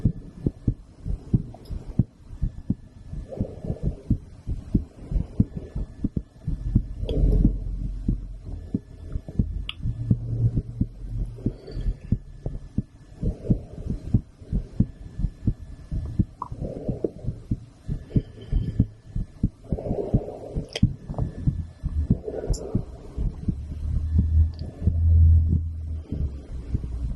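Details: Adult female's heartbeat recorded with a stethoscope after a blood draw, while she is under a specialist's care: steady, regular low thumps with some rubbing and hum.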